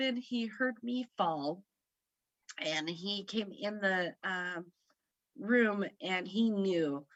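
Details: Aphasia in a woman about 3 years after a stroke at age 38 (September 2018) that affected her right side.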